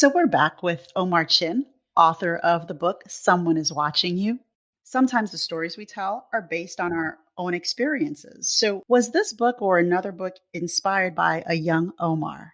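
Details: Adult speaker, host; typical speech.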